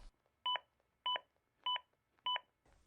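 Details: ZOLL AED Plus during CPR: short two-tone feedback beeps about every 0.6 seconds, roughly 100 a minute, pacing chest compressions of at least two inches, in cycles of 30 compressions and two rescue breaths.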